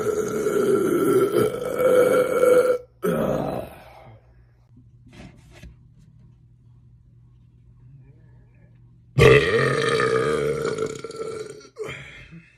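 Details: A sequence of burps: two long, loud, voiced belches separated by a quiet pause, with a few small sounds between them.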